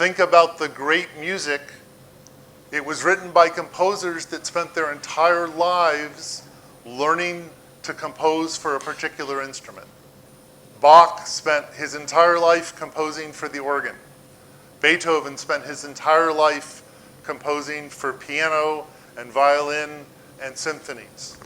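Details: Adult man; normal speech.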